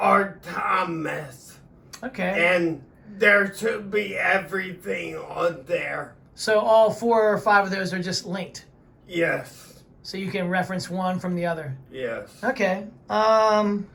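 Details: Adult speaker, interviewer; typical speech.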